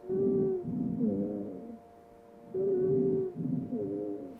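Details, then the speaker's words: Simulated VR patient with asthma and shortness of breath, auscultated over the back at the lower lobes: inspiratory and expiratory musical wheezes, with grunting expiratory wheezes as air is pushed out. Expiratory wheeze. "really amazing about this is that this gentleman has inspiratory and expiratory wheezes but those expiratory wheezes are kind of grunting right"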